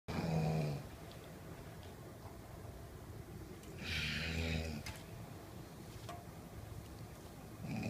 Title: Snoring daddy